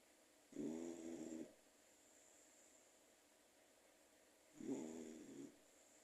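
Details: Pet dog snoring while asleep, quieter than the daddy's snoring nearby: dog snoring.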